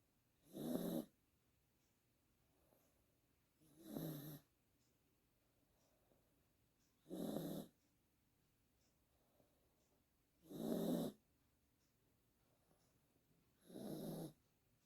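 Loud, regular snores from a small dog, five in about 15 seconds, roughly 20 breaths a minute; ordinary snoring.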